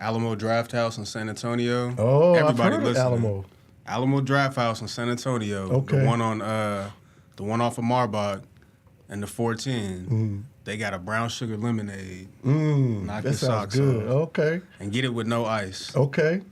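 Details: Adult male speaker; normal voice.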